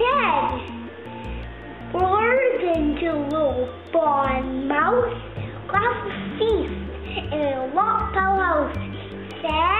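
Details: Young child with a lisp, retelling a children's story; lisp.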